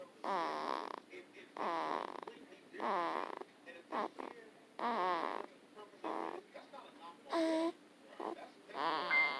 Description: Her way of snoring